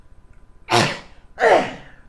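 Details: Adult man with Tourette syndrome taking risperidone: two sudden, explosive sneeze-like bursts in quick succession, involuntary cough-like vocal tics.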